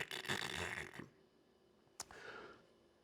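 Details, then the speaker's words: Imitation of obstructive sleep apnea snoring: a harsh, rattling snore, a pause, then a sudden gasping snort. "The noise you make can be an indicator of when you sleep, and snore can be an indicator of sleep apnea. So snoring sounds more like, with sleep apnea, prepare yourself, it's not a nice sound, it's more."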